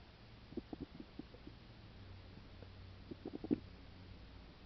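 Faint gurgles and short bubbling pops against a steady hiss; active bowel sounds, linked here to a stomach ulcer.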